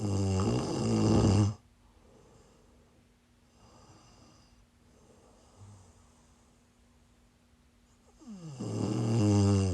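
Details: Live-streamed sleep recording of a sleeper who is sick: loud, rattling snores on breathing in, separated by quiet pauses of several seconds; snoring.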